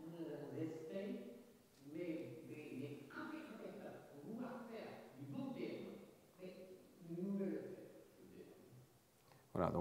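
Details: Patient with a very spectacular case of Wernicke's aphasia, unaware of his difficulty (anosognosia); fluent, largely grammatical speech with massive phonemic paraphasias and noun substitutions; clinician briefly heard; Wernicke's aphasia (jargon aphasia).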